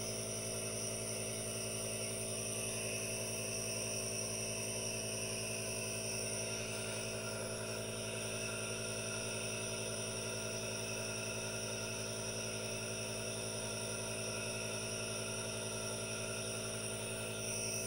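Steady motor hum with a continuous hiss, unchanging throughout; a nebulizer running normally.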